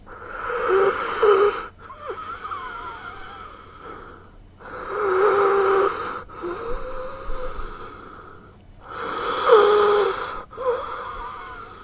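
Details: Sound-effect recording of heavy, labored breathing with a whistling, musical wheeze on each breath cycle.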